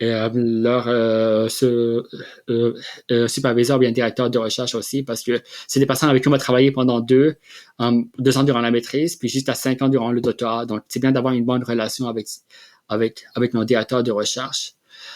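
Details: Adult man who has stuttered since childhood and has had speech-language therapy; stuttering.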